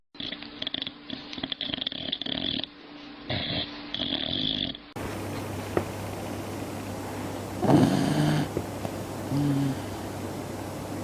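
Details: Sleeping female dog making rough, snorting breath noises in a quiet room, continuing on and on; snoring.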